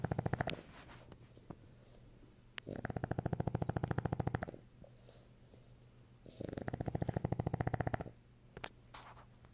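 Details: Sleeping French Bulldog snoring: rapid fluttering, rattling snores in bursts a few seconds long, separated by quieter breathing.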